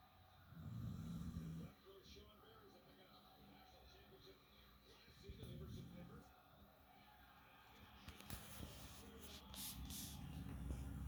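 Low rumbling snores recur in slow cycles against faint room noise; a sleeping dog snoring.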